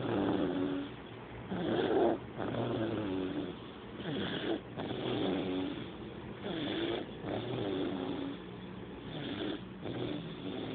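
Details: Steady rattling snores, roughly 24 breaths a minute, each breath rumbling in and out; ordinary snoring from a sleeping animal.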